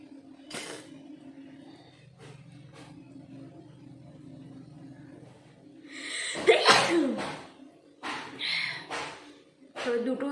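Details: Nose-blowing and sneezing challenge: quiet breathing, then a loud voiced sneeze followed by several shorter sniffing and nose-blowing bursts in a small room; ordinary sneeze.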